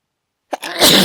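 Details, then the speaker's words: Silence, then a short voiced catch breaking into a forceful hissing sneeze burst; one of a run of strong sneezes the person says they cannot stop. "Can't stop. Fuck. Wish I could stop. So strong."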